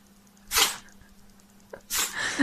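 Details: Two sharp, hissing sneezes from a pet cat separated by a quiet sniff; repeated sneezing.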